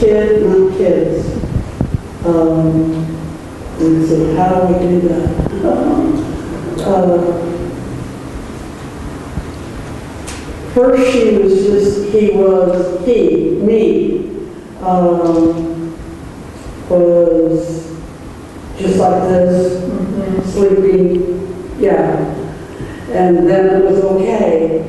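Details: Female patient's speech sample with anomic aphasia; word-finding problems are the major impairment, with effortful word search and circumlocutions when retrieval fails; anomic aphasia.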